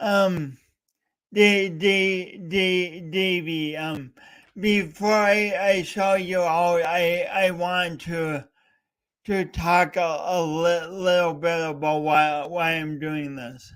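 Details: Real stuttering (speech impediment) in a male speaker coached for years, heard during a three-hour live talk-a-thon he set as a challenge for his own voice.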